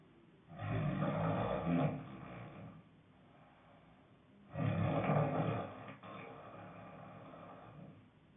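Two deep, growling inward snores, each followed by a softer rumbling breath out, about 16 a minute. Loud, rough snoring.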